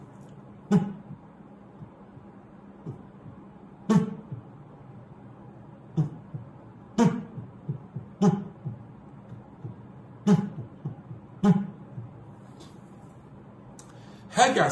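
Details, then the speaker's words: Imitated heartbeats at irregular intervals with a first heart sound varying in loudness. This mimics atrial fibrillation, where variable diastolic length makes the valve close from changing positions. "طب ايه اللي يخلي الفيرست ساوند اربل يعني يعجل احيانا ويبقى متوسط احيانا ويوطى احيانا اي ريج ريز زي الاتري فايبريشن مثلا"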